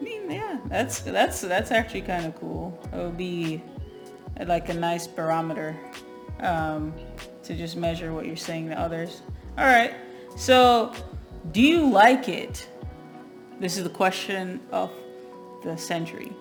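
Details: Adult speaker; fluent speech.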